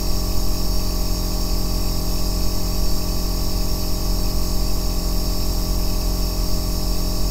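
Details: Aerosol nebulizer compressor running without pause for a 2-hour sleep and relaxation recording: continuous low bass rumbling motor hum with an even airy hiss on top.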